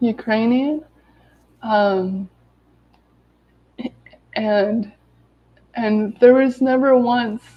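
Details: Adult woman with lifelong daily stuttering, recovering from an illness, reading aloud from a self-therapy book to demonstrate her stutter; stuttering.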